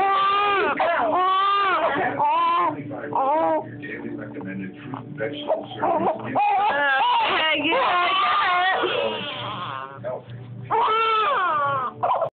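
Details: Repeated wailing infant cries with clear pitch and brief breaths between them, while an adult speaks softly in the background, during tummy time the baby disliked; infant crying.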